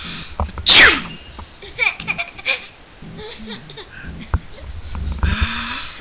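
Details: One sharp sneeze, followed by an infant boy's babbling and laughter in a small room: sneezing.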